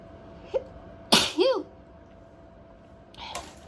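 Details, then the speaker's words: Sneeze induced with a cotton bud (Q-tip) in the nose: a quick inward breath, one loud explosive uncovered sneeze with a voiced tail, then a softer one. "i am sneezing uncovered but i'm the only one here thank you when i induce i've noticed i normally only sneeze like once"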